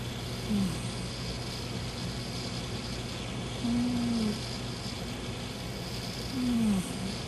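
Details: Soft, slightly whistling snores about every three seconds over a steady low room hum from a sleeping cat that snores only sometimes.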